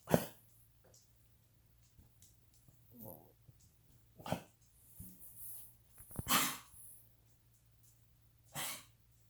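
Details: Cavalier King Charles Spaniel with diagnosed degenerative valve disease, an enlarged heart pressing on the trachea and intermittent fluid in the lungs: a coughing fit of harsh, honking bursts. Finding: cardiac cough from tracheal compression.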